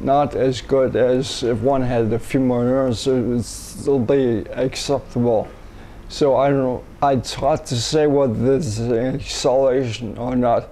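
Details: Ataxic dysarthria in a 67-year-old man first diagnosed with cerebellar ataxia, later rediagnosed with multiple system atrophy. His speech is progressively worsening and harder to understand when fatigued. No speech gain yet after umbilical cord blood stem cell treatments in China.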